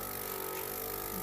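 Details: Steady motor hum with a constant whirring tone as a student nurse turns on the suction machine before tracheostomy suctioning of a gurgly-sounding patient, after hyperoxygenation for low oxygen saturation; suction machine running.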